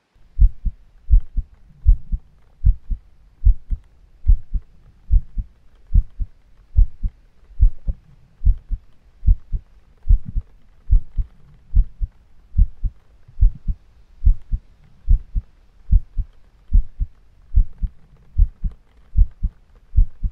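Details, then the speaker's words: Steady, low, thudding heartbeat, about 73 beats a minute, paired lub-dub, regular rhythm, from a female ASMR performer during a cuddling roleplay; she says her heart is beating fast. "Wow, this is somehow much more nerve-wracking now that all our feelings are on the table. Please, just don't pay too much attention to the speed of my heartbeat."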